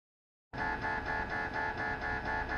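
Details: Philips 1.5T MRI scanner recorded inside the scan room: loud, steady rhythmic buzzing tones pulsing about twice a second, the typical sound of an MRI sequence running.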